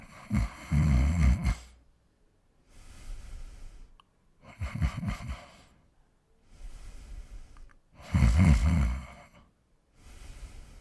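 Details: A man snoring, recorded secretly as a humorous sound effect.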